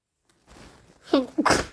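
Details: Day 3 of a head cold: quick voiced intake building up, then one sharp explosive sneeze; sneeze.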